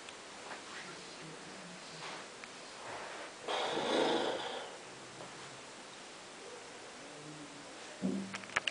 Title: snoring